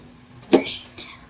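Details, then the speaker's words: Adult who has been coughing a lot gives a single abrupt cough burst trailing into a breathy tail and a faint second sound, in a quiet room; cough. "Assalamualaikum, kali ini aku mau bikin wedang jahe karena aku batuk-batuk."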